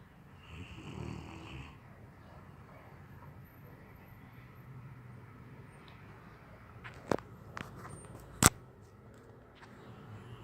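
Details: Snoring during sleep: low, rough snoring breath, with quiet room noise and a couple of sharp knocks in the background.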